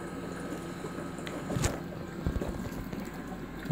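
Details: NICU bubble CPAP system tested with a test elbow before use on a patient, with flow set too high: steady low bubbling and gurgling from the water chamber, showing a sealed circuit delivering pressure.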